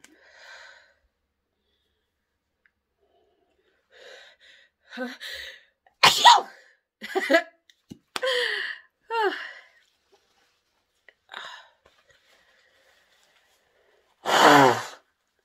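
Breathy gasps and build-ups leading to several sneezes, ending in one big forceful sneeze.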